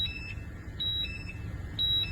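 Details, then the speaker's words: Gas monitor alarm: repeating two-tone electronic beeps over low rumble as oxygen reads about 17.4% with the hose under a worn mask, versus 20.5% without. Low oxygen signals a hazardous atmosphere. "you can hear the alarm going off that means that there is a hazardous atmosphere"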